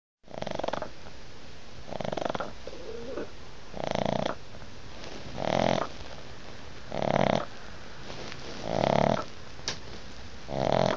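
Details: Sleeping pug giving loud, rough, rattling snores with each breath, about 36 a minute; snoring.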